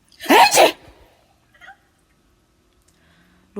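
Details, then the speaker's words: A single loud two-part adult sneeze, then a cat's faint brief meow-like answer in a quiet room: an ordinary sneeze. "에 제가 재채기 할 때 마다 반응을 해 주더라구요"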